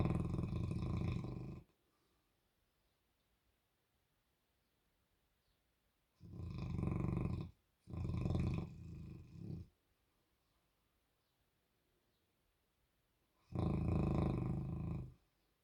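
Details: Sleeping Bernese Mountain Dog with tongue out, dreaming: long, very loud, rumbling snores with quiet pauses between breaths; snoring.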